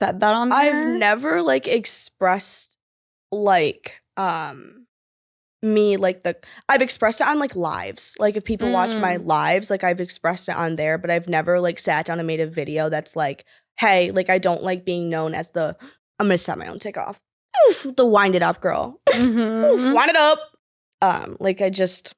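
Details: 20-year-old woman with Tourette syndrome (involuntary motor and vocal disorder, diagnosed 2020, with tic attacks and coprolalia-like swearing tics) speaking with interjected vocal tics; vocal tics.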